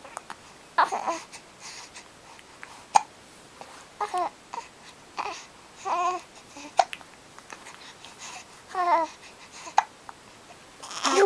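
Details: Infant chatting after a bath: small voiced sounds and babbling with several brief, abrupt catches spaced a few seconds apart, fitting infant hiccups, in a quiet room.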